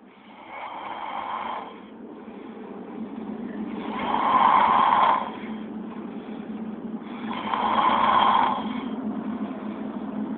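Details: Person snoring, recorded on an Android phone: rough, rumbling breaths rising and falling about every 3.5 seconds, roughly 17 a minute, over a steady low hum.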